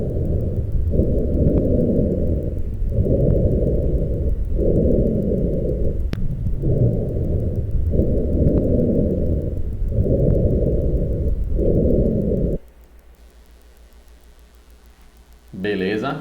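Low, coarse snoring sounds run through each breath, typical of rhonchi from secretions narrowing the larger airways.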